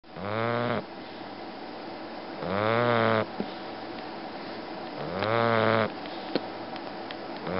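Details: Sleeping bulldog snoring: three loud, rattling snores on the in-breath, about 23 per minute, with short clicks between.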